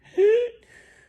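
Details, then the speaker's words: Adult imitating the stridor of croup in a child: a single harsh, high-pitched, rising whistling breath-in; stridor with every breath despite steam or cold air warrants emergency care. "And that cold air will decrease some of the swelling. Really, if you start to hear that stridor,"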